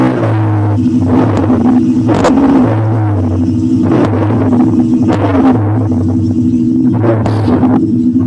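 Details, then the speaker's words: Rhonchi on lung auscultation: low-pitched, snoring continuous sounds recurring with each breath, from obstruction or narrowing in the larger bronchi. "o ruído mais grave certo então eu tenho uma obstrução ou estreitamento da luz e uma parte mais grossa da árvore bronquial"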